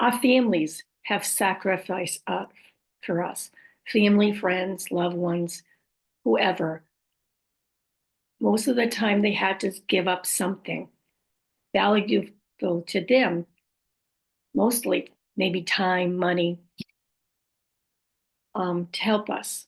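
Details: Adult woman about 5.5 years after a stroke, with aphasia, apraxia of speech and dysarthria; post-stroke aphasia with apraxia of speech and dysarthria.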